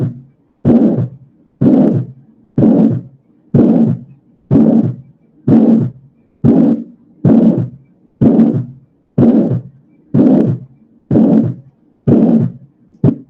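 Regular heartbeat at about 62 a minute, with a loud, harsh rushing murmur filling much of each beat: an aortic ejection systolic murmur, as in aortic stenosis.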